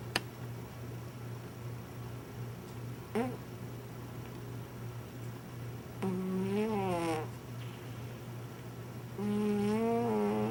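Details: A sleeping pet cat makes slow, tonal, wavering snores about every three seconds over a low room hum: snoring.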